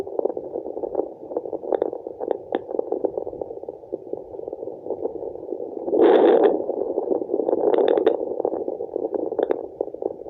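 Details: Placental blood flow on a handheld fetal Doppler: continuous whooshing, wind-like rushing with soft pulsing.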